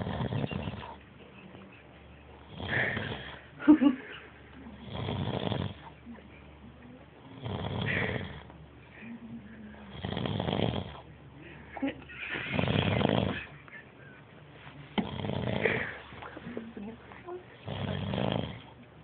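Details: Loud snoring during sleep: regular snores about every two and a half seconds, roughly 24 breaths a minute, with faint room noise between them.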